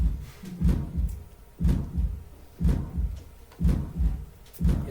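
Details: Regular heartbeat near 60 a minute with a harsh systolic murmur filling the gap after each first sound, from a valve not opening all the way: aortic stenosis murmur.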